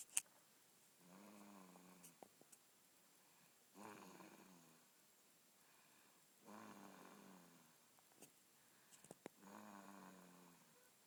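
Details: Four rumbling, fluttering snores from Aurora roughly every two and a half seconds, about 24 a minute, with faint clicks between; loud snoring.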